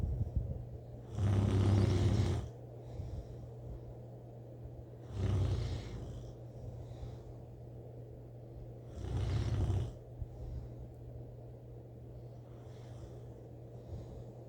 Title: snoring 💏 😴 💕 🛌 like a grisly bear